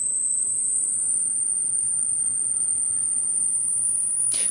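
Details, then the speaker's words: Hearing-age test: a thin, very high-pitched steady tone slowly rising in frequency; the listener stops when it becomes inaudible, screening for age-related high-frequency hearing loss; high-frequency hearing test tone. "your ears older than you? Take this test to find out. When you stop hearing the noise, stop the video. That is the age of your ears."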